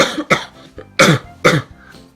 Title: The coughs you didn't see (and the erms)